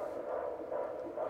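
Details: A steady, rapid whooshing pulse of roughly 130–140 a minute heard on Doppler during the mother's fourth pregnancy: a normal fetal heartbeat.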